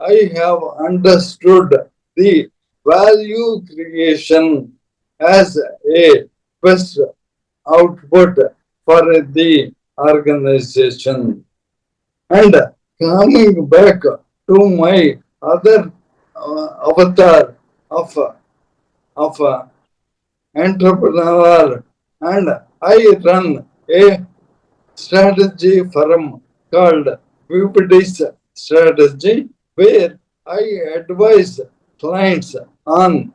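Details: Dysarthria in an adult man: Parkinson's disease from 2022, diagnosed late, very severely affecting speech and mobility; later diagnosed with ALS / motor neuron disease.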